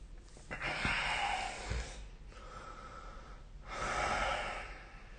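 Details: Snoring during sleep recorded with the SnoreLab phone app: noisy, rasping breaths with a long harsh snore, a pause, then another rough snore.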